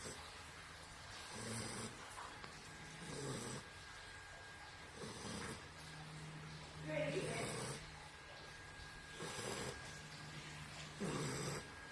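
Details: Biggie, an 11-week-old blue tri American Pocket Bully puppy, asleep and snoring: soft, snuffly snores with whistly notes, about 15 breaths a minute, over steady room noise.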